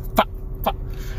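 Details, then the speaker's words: Vocal tic from an adult male stand-up comedian with Tourette syndrome, heard as an unintentional noise while he talks about his condition and upcoming gaming streams. "but i really do like making unintentional noises at y'all and teaching you all about tourette's syndrome"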